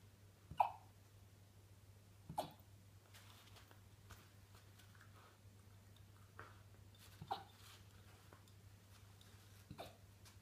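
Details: Alaskan Malamute puppy hiccuping after eating dinner: brief, sharp, irregular little gasps, about five in ten seconds, over a steady low room hum; hiccups.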